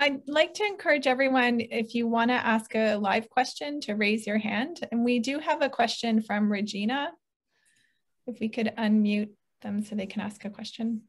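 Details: Adult woman speaking; normal voice.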